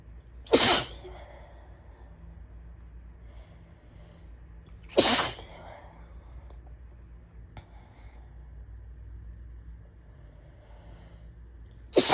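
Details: Person with days of stuffy nose, sore throat and chest symptoms varying with pollen, suspected allergies: three forceful sneezes four to seven seconds apart with quiet breathing between, during an allergy attack.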